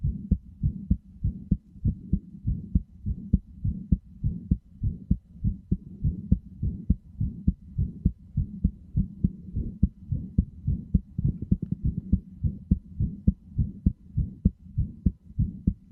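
Steady, regular low thumping heartbeat in paired beats, played continuously as a soothing sound.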